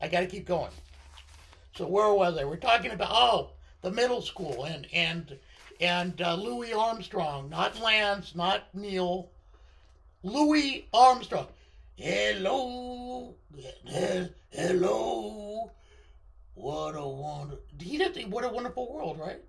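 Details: Adult man with left-sided unilateral vocal cord paralysis following surgery, limiting voice control; pitch varies from very high to baritone and is sometimes scratchy.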